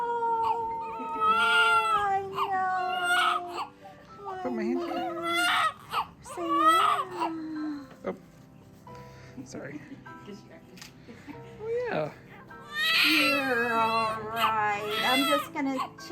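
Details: Vigorous, rising and falling first cries in bursts from a newborn boy just after vaginal delivery at 37 weeks (induced for gestational diabetes and hypertension), with soft music and voices behind; normal newborn cry.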